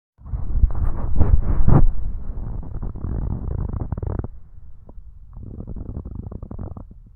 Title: stomach growling